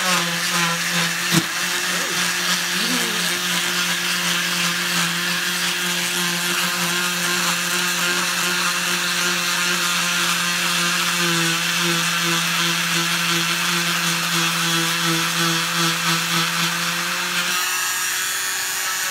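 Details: Steady high-pitched motor whine with grinding of an oscillating cast saw cutting off a boy's heavily cushioned cast, stopping near the end; the cast removal tickles.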